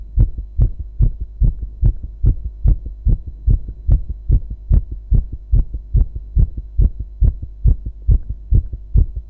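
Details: Strong, steady, regular low thumping of an adult male heartbeat over a faint steady hum: normal heartbeat.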